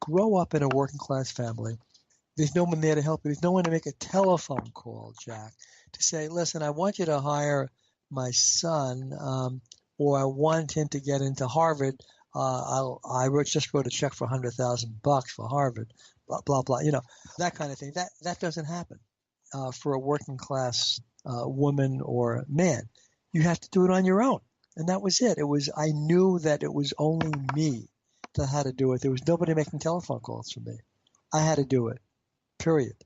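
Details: Stuttering in an adult man who has stuttered since age five, had intensive fluency therapy and uses fluency targets, yet still reports blocks.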